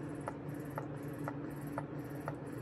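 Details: Medela electric breast pump, newly unboxed and hooked up, running: steady low motor hum with soft suction-cycle clicks about twice a second; two modes mentioned, suction tested on an arm.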